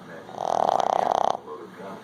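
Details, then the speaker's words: Boston bull dog fast asleep, snoring: a single loud, buzzing, fluttering snore lasting about a second, with faint room noise around it. "Oh, baby, what are you doing? You're snoring, huh? I'll just post that to YouTube."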